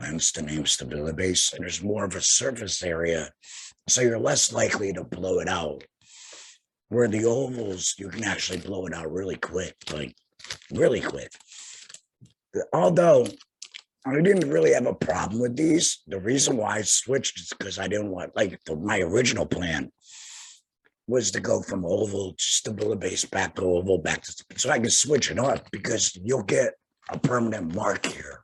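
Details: Tracheoesophageal (alaryngeal) voice in an adult man about two years after total laryngectomy for head and neck cancer, speaking via tracheoesophageal puncture by finger-occluding his stoma/HME.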